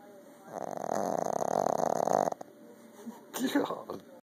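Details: Boston terrier snoring: long fluttering, rattling snore on the breath in from a small flat-faced dog, followed by softer snorting breaths.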